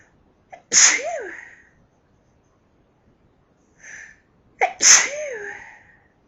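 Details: Sneeze fit brought on by allergy to lilies; two loud sneezes, each with a sharp inhaled lead-in and forceful burst, in quiet: repeated allergic sneezing.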